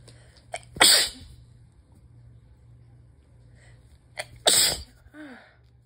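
Two loud, sharp sneezes, each preceded by a short catching breath, with a brief voiced sound after; ordinary sneezing.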